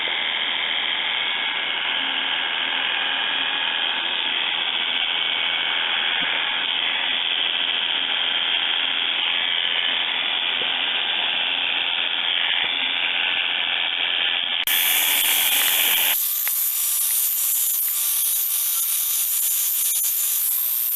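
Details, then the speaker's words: Steady buzz of electric clippers removing hair from an intubated female patient's ventral abdomen, from xiphoid to pubis and a few finger-widths to each side, during presurgical prep before scrubbing. "now that I've got that done I'm just going to get all the hair off make sure I've got her shaved really well and then I will touch up any parts that need to be touched"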